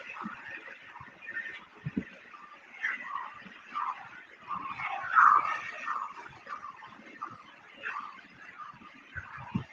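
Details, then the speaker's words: Transcranial Doppler recording, shown in the context of cervical manual therapy and vertebrobasilar insufficiency testing: rhythmic pulsing whooshes rise and fall with each heartbeat over a faint hiss, with systolic surges; arterial flow signal. "and this is the transcranial doppler you can hear these sounds that the systolic and you can see here"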